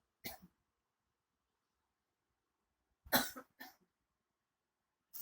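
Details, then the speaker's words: Adult sleeping sitting up, slightly tilted, to ease a persistent cough; the head drops and a cough follows: a single cough, then a pair a few seconds later, then the start of another, in a quiet room. "Oke, baru saja beliau terjatuh, maksudnya ya, nah itu batuk."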